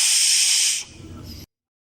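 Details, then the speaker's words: Simulated test of a cardiac monitor's CO2 module set to adult patient: air blown into the capnograph sample line that will later be attached to the ETT, heard as a steady breathy hiss fading to a softer rush, checking CO2 detection before EtCO2/FiO2 readings appear. "As a testing के तौर पे मैं इसमें air blower करता हूँ, उससे check करते हैं कि इसके अंदर CO2 आ रही है कि नहीं आ रही।"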